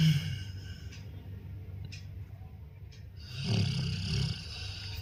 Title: 14 YEAR OLD BLACK BEAUTIFUL LABRADOR SNORING WHILE SLEEPING #LAB#OLD # BEAUTIFUL